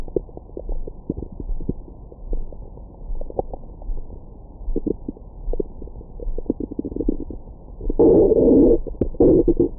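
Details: Adult's abdomen after a large meal, recorded with a Stemoscope stethoscope microphone for ASMR: varied gurgling, growling digestive sounds; bowel sounds.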